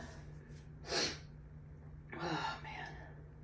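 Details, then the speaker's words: Allergy sneezing fit in a person: two loud, abrupt sneezes about a second apart, each with a sharp noisy release, over low room hum. "God, come on. Nope. Ugh."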